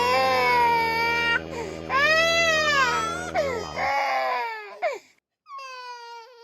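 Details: Loud, high-pitched wailing cries from an infant with a short gap and a rising whimper at the end: baby crying.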